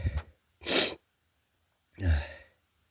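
Two sharp explosive sneezes after a brief intake of breath.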